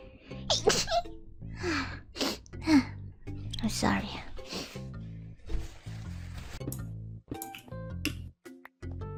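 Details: Moona, a streamer, sneezes in a deliberately cute anime-girl style during a stream: several quick, high, squeaky sneezes between bits of speech over background music.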